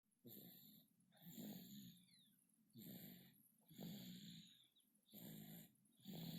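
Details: Sleeping infant snoring: rhythmic low snoring sounds on each breath, about 25 breaths a minute.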